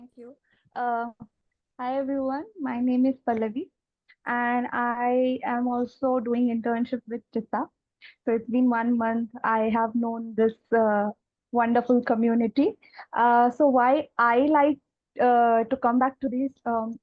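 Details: Adult woman; fluent speech.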